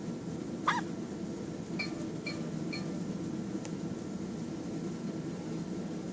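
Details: Single sharp hiccup-like burst followed by a few faint chirps over steady room hum; hiccups.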